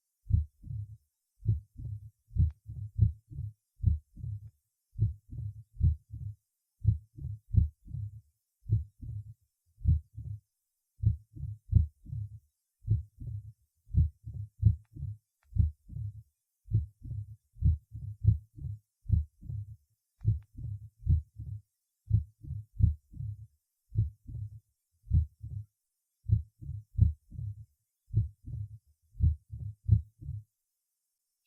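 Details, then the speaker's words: Female patient with mitral stenosis and atrial fibrillation, at the first point (apex): irregular heartbeat with a low rumbling diastolic murmur starting after the mitral opening snap rather than right after the second sound. "прослушайте запись сделаны в первой точке аускультации у больной со стенозом отверстия митрального клапана и мерцательной аритмии"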